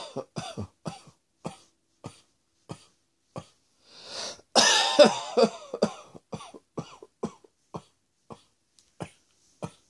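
Repeated short dry coughs, about twenty in ten seconds, with a harsher throat-clearing burst midway; acted coughing.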